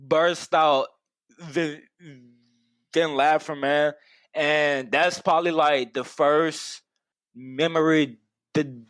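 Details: Adult man who has stuttered for as long as he can remember; stuttering.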